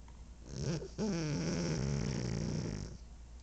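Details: Pug named Spud asleep: rattling, buzzing snore lasting about two seconds with a throaty vibration.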